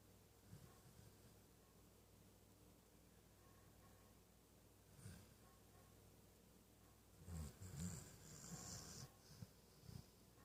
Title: The puppy snores